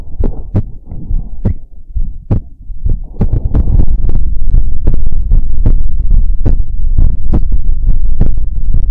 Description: This is another Heartbeat Sounds ASMR video.